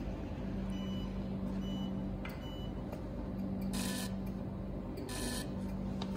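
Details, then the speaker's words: Steady machine hum with a repeating tone and short sharp bursts as a 60 W sealed-tube fractional CO2 laser fires even, fast shots, for skin resurfacing. "can see the energy shot very even see i'm fast and even and very precise"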